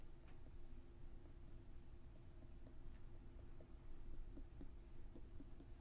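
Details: Finger percussion over the left lower chest (Traube's space) during an abdominal exam, steady room hum behind; tympanic note, so no splenic enlargement.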